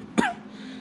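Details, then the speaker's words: Cough from a person who says they are sick, speaking in a garage. "I'm sick, by the way. You can hear me cough."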